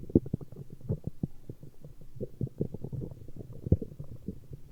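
Continuous low gurgling and rumbling with irregular bubbling pops, typical of stomach growling from gas and fluid moving through the gut.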